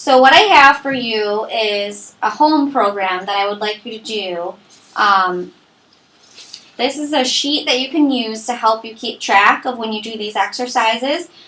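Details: Adult woman speaking; normal adult speech.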